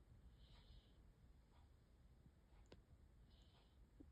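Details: Sleeping dog snoring while dreaming excitedly; snoring.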